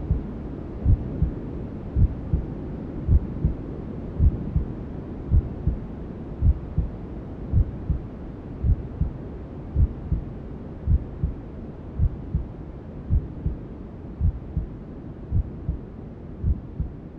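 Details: Maternal heartbeat sound with white noise and other womb sounds, for settling a newborn to sleep: steady low thumps about 54 a minute beneath a constant whooshing hiss.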